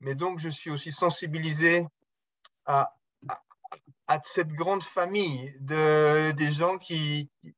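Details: Stuttering in an adult man, speaking French; he says his speech is much better than before but still stutters a little at times in French, more in English.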